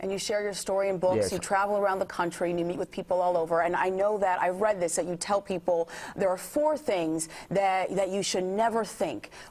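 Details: Adult woman speaking; ordinary speech.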